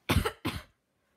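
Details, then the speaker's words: Two short, fairly dry coughs from a person sick with a minor cold that began two days earlier, without fever. "yes I am sick yes I just got sick like two days ago and uh yeah I'm sick with a cold"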